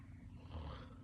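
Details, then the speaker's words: Son sleeping in the background, heard snoring while parent talks at night. "You can probably hear my son snoring in the background. He's staying down here, so it'll be easier for my sister to get him up for school."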